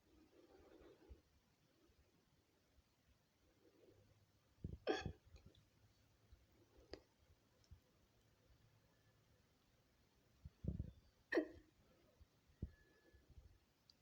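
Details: Woman's hiccups, a collage of recorded episodes: several short, sharp, abrupt gulping catches at irregular intervals in a quiet room; hiccups.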